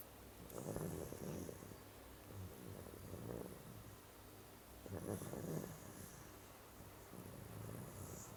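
Soft, rough, low fluttering breath noises in about three cycles over several seconds, with background hiss; snoring.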